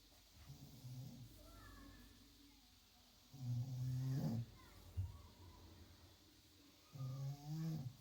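Loud, deep, rumbling snores, about three over eight seconds, with quieter breathing between them.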